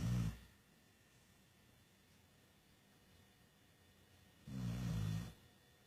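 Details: Sleeping dog snoring like a human: two deep, low rumbling snores about four seconds apart over quiet room noise.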